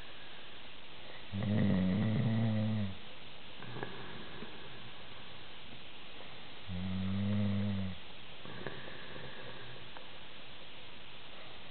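Loud, low, rumbling snores on each breath in, with softer breaths out, at about 11 breaths a minute.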